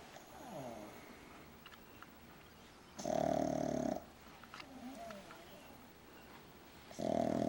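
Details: Loud, harsh, buzzing snores from a pug on each in-breath, roughly four seconds apart, with quieter breathing between: snoring.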